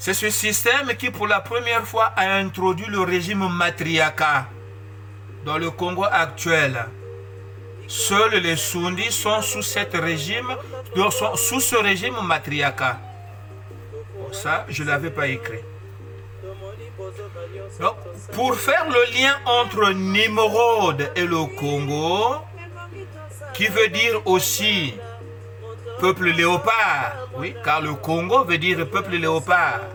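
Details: Adult who describes his stuttering as a disability that worsens with emotion, reading a prepared written text in French to communicate better; stuttering.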